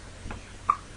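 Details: 13-day-old baby girl with hiccups, relaxing on the couch with dad: two soft, abrupt catching sounds within a second in a quiet room.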